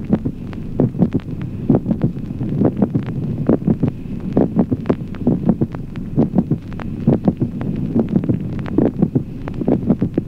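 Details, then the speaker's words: Teaching example: regular heartbeat near 67 a minute with a brief extra sound at about mid-systole, between first and second heart sounds; mid-systolic click. "ejemplo séptimo clic mesosistólico Aproximadamente en la mitad de la sístole un ruido adicional breve"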